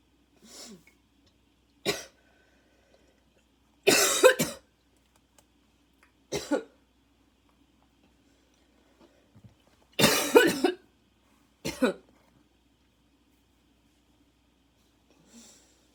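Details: Harsh barking coughs in separate bursts, about six over fifteen seconds, with wheezy breaths between, in a quiet room; a second coughing fit, person feels an inhaler is badly needed; barking cough.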